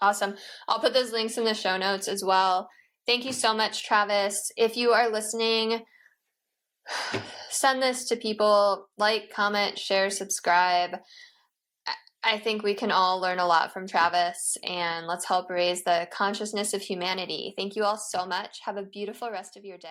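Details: Adult woman speaking; normal speech.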